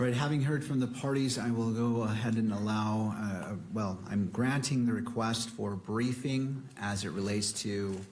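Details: Adult man; ordinary speech.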